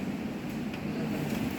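A steady, even motor hum and rush of air with no breaks: a suction machine running normally.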